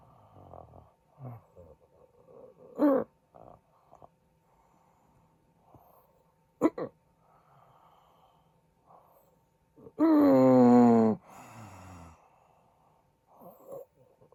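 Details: Adult man (husband) snoring during sleep, recording tagged with possible sleep apnea: irregular snorts and rough breathing, then a loud, long, groaning snore wavering in pitch.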